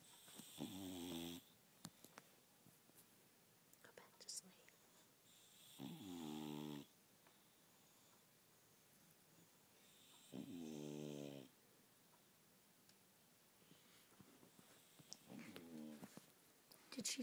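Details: Bulldog napping in a tent, snoring: loud, rattling snores roughly every four to five seconds, about 13 a minute, with a quiet room between them.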